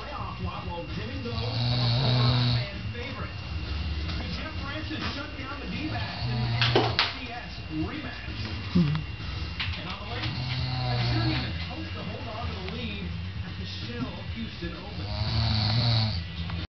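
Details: Exhausted father asleep after visiting the CN Tower, Toronto: loud, rumbling snores about 13 per minute, with talk and faint music in the background; snoring.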